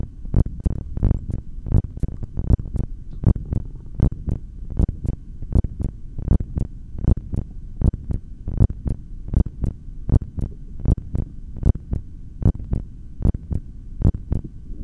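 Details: Steady low thumping heartbeat at about 80 beats a minute through a stethoscope, with no breath sounds while the breath is held, from a single take of exhaled and inhaled breath-holds.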